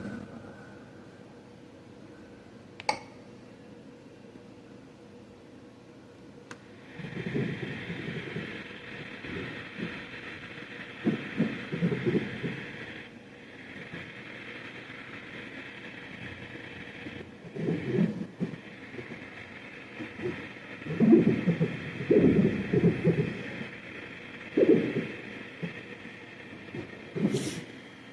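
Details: Right-leg venous Doppler in a 45-year-old man with right leg pain and swelling: great saphenous vein, 4.6 mm, fully compressible, competent valve. Soft whooshing flow bursts with leg squeezes, no reverse flow; normal augmentation without reflux.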